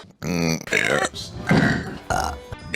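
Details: Woman burping repeatedly in a comedy compilation: several loud, croaky belches in quick succession over background music; repeated burping.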